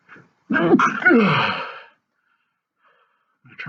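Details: Male sneezing fit after sniffing sneezing powder in both nostrils: a sharp intake of breath, then one full, forceful sneeze with a trailing rush of air, followed by a faint sniff.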